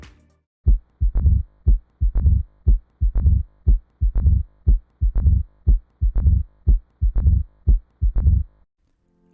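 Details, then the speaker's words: Simulated heart sounds near 60 a minute with sharp clicks, an opening snap and a low rumbling mid-diastolic decrescendo murmur, from abnormal narrowing of the mitral valve; mitral stenosis murmur. "to help recognize this mid-diastolic murmur the terms love dder are often used"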